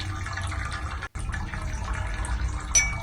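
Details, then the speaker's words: Microsuction ear wax removal from a patient's left ear, loosening a black clay-type wax plug along the canal wall: steady suction hiss with rough gurgling flutter as wax is drawn out. "what I'm doing here I'm just working around the edge I'm just to loosen wax see really gentle here just to go up against the wall and slowly then move away"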